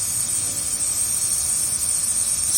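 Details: Nebulizer running for a baby's cold and cough: a steady high hiss, with no breathing or crying heard.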